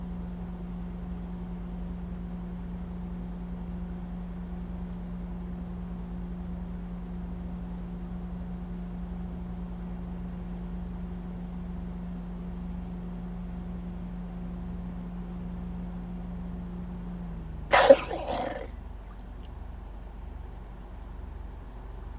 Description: A Florida crocodile was captured “coughing” at a photographer at Everglades National Park, recently published video shows.